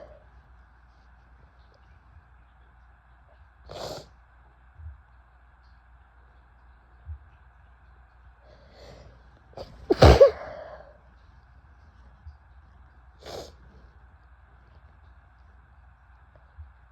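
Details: Brief catching breaths and small hitchy sneezes building to one loud forceful sneeze; female; ordinary sneezing fit.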